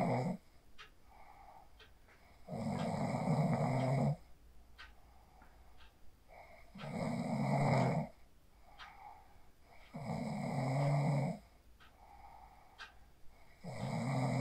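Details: Person asleep after practising the 4-7-8 breathing technique, recorded on a phone: deep, regular snores about 16 breaths a minute with quieter breathing between; steady sleep snoring.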